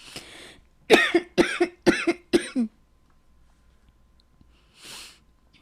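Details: A quick run of five harsh, partly voiced adult coughs, then a pause and one audible breath in, during a podcast where a host says they are losing their voice.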